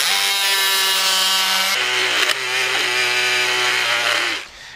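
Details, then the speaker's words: High buzzing surgical saw whine whose pitch drops under load, making an additional 4 mm medial tibial cut during rotating-hinge knee revision surgery demonstrated at an anatomic institute; power saw cutting bone. "So we push it a little bit to my side, and then let's do, thank you, a 4 millimeter additional cut on the medial side."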